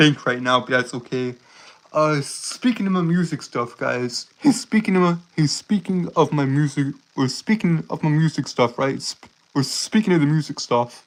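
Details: Stuttering in a male streamer with a self-reported speech impediment causing stuttering, tripping over and repeating words; this stretch has repeated words and phrases.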